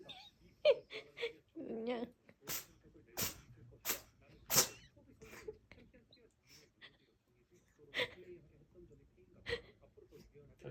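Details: Siberian cat sneezing, possibly from hair stuck on its nose: run of small, sharp sneezes with snorting nasal sounds between them.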